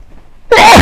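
Brief quiet lead-in, then one loud explosive sneeze from an adult with a cold.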